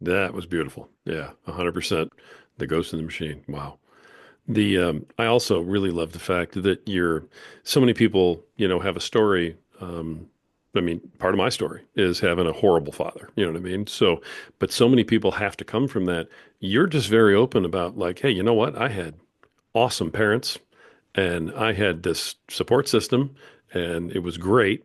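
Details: Adult male speaker; typical speech.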